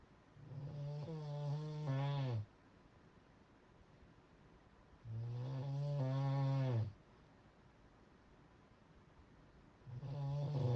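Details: Loud, deep, droning snores, each about two seconds long, roughly 14 a minute with quiet gaps between; heavy snoring.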